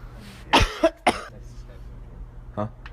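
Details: Likely deliberate fake sneezes during a prank on friends: a few sharp, forced cough- or sneeze-like bursts in a room with a low hum.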